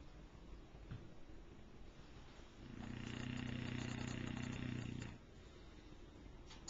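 Low, rumbling, fluttering breath sound building for a couple of seconds over room noise: snoring in a sleeping dog.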